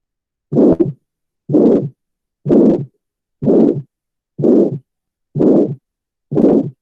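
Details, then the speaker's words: Aortic stenosis: regular harsh midsystolic ejection murmur, about 62/min, with no ejection click, reversed splitting or fourth heart sound. "Pues a continuación vamos a escuchar cómo se vendría escuchando, pero pues como dije aquí no vamos a escuchar un clic ni pues un desdoblamiento invertido ni un R4, sino pues más que todo como el soplo mesosistólico, que es como la gran característica de la estenosis aórtica."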